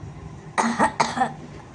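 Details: Acute barking cough in a patient who was soaked in rain coming from school; throat pain and headache, no fever or body aches, eased by warm water, thirst low; homeopathic case where Rhus tox is considered.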